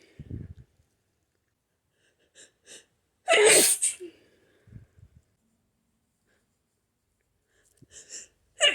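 One forceful, explosive adult sneeze with short sniffing breaths around it, typical of hay fever sneezing.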